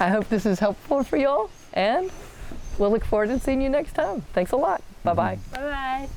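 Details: 40-year-old woman with athetoid cerebral palsy, GMFCS level 3/4, moderate to severe physical involvement from quadriplegia, using a walker and power wheelchair; dysarthria.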